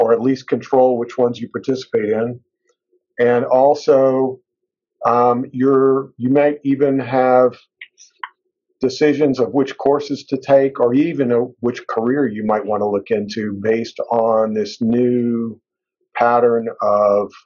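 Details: Adult male speaker; fluent speech.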